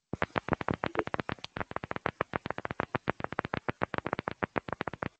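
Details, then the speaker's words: Needle EMG recording showing positive sharp waves and fibrillations alternating in rows, attributed to muscle membrane instability; fibrillation amplitude about 350 at 50 per division; positive sharp waves and fibrillation potentials. "Hay una combinación de agudos positivos con fibrilación. Generalmente es lo que se ve que o sea, eh si ven la fila de arriba son agudos, abajo hay fibrilación, luego abajo vuelven a aparecer agudos y después fibrilación."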